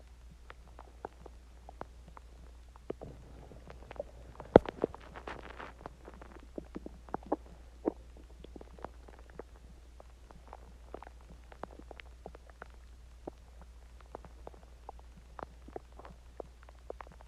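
Soft gurgling and bubbling pops scattered over a steady low hum: stomach growling, ordinary bowel sounds after a meal.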